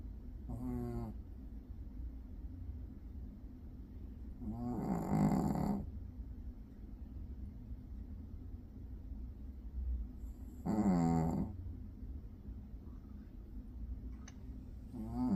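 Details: Dog curled up asleep in an office after not sleeping at home overnight: soft, slow snores about 11 a minute with a steady low room hum.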